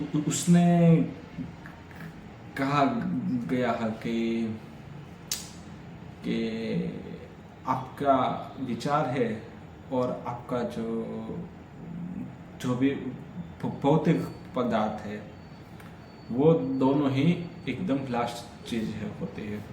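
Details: Adult man with stammering, on day 3 of a daily fluency practice routine that includes breathing and relaxation exercises, speaking continuously as reading and storytelling practice; stammering.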